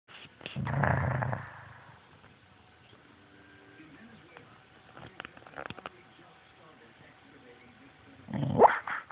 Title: Snoring dog